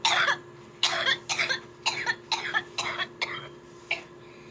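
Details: Child has a coughing fit, a rapid run of about eight harsh, dry bursts with brief gaps between them.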